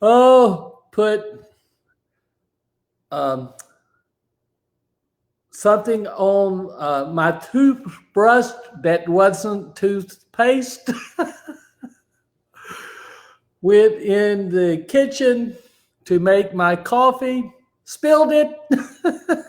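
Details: Aphasia after a stroke, described as an invisible disability; his ability to talk was affected that day; hesitations and garbled phrasing.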